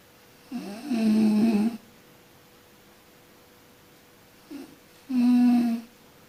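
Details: Person sleeping and snoring: two loud, rumbling snores, each preceded by a softer intake, with quiet pauses between, in a quiet room.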